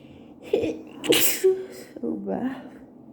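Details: Allergy sneeze attack at work with very wet sneezes: a sharp, explosive sneeze with a short voiced lead-in and a brief vocal sound after.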